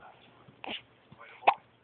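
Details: Child with hiccups: two short, abrupt voiced catches about a second apart in a quiet room; hiccups.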